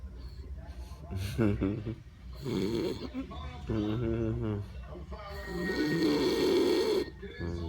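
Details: Loud rattling snores, each a long vibrating breath in, with quieter pauses between; snoring.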